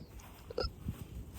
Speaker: Hello everybody. I have the hiccups. Please excuse